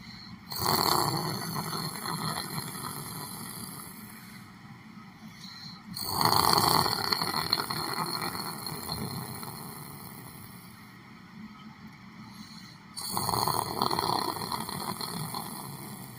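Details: Three loud rattling snores at steady intervals, about nine to ten breaths a minute, over a constant room hum; snoring during sleep.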